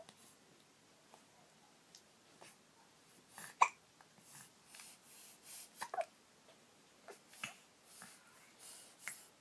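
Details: Hiccups in a 1.5-month-old baby girl: soft, brief breathy catches recurring every second or so against quiet room noise.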